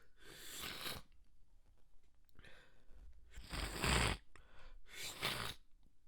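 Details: Extremely wet stifled sneeze fit: four muffled, wet bursts held back to stay quiet, with breathy build-ups between them as the tickle grows stronger.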